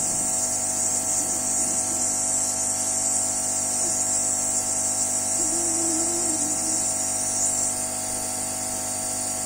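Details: Steady buzzing hum with high hiss of a nebulizer compressor delivering budesonide through a face mask to a child who has often needed extra oxygen; faint voices in background; normal breathing-treatment device noise.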